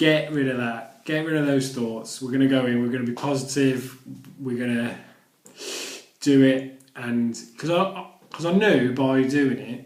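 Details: Adult who stammers, speaking in his own vlog; stuttering.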